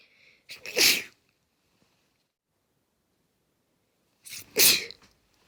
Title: Complilation of my sneezes from last week